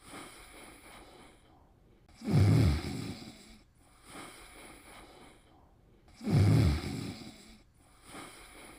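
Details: Snoring: low, rumbling snores on breathing in, about 15 breaths a minute, with softer breathing between them.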